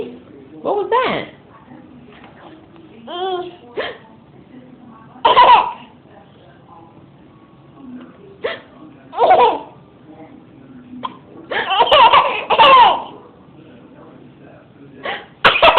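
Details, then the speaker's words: Infant with hiccups: repeated short hiccup sounds mixed with babbling, laughter and adult voices. "you got the hiccups oh no you have the hiccups oh no"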